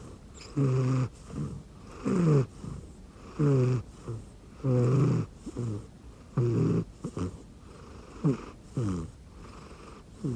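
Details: Rescued cat snoring while asleep on an arm pillow under a futon; snoring.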